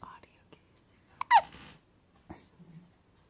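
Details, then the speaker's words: Baby with frequent hiccups, looking startled: a single sharp, abrupt gasping hiccup with a brief squeak amid quiet room sounds. "so cole when you see this video when you're older you'll understand that you had the hiccups a lot and you looked startled the entire time you had them like you didn't know what was happening"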